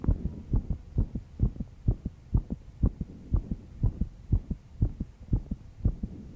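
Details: 22-year-old female, stressed after an all-nighter of work: fast, regular lub-dub heartbeat at about 120 beats a minute over a low background hum; quickened heart rate.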